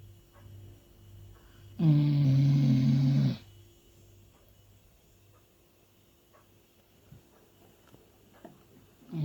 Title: snores like a man. .